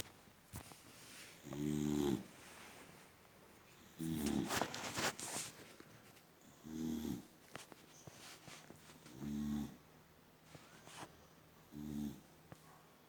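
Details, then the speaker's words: Short, low, buzzing snores about every two to three seconds, with soft breathing and faint room noise between them, from a sleeping female boxer dog; snoring. "Peacefully sleeping. Immediately open the eyes. Are you snoring and sleeping, gorgeous? Sleep, good girl."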